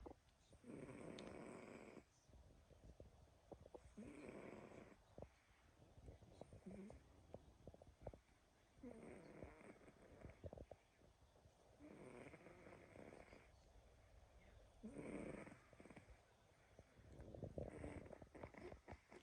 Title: sleeping and snoring pt2